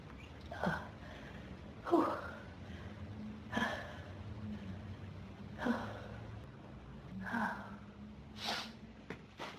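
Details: Adult with pollen and dust allergies since about age 14, sneezing in a dusty room with a burning nose: six forceful sneezes in under ten seconds with quick gasping breaths between, a sneezing fit from allergic rhinitis.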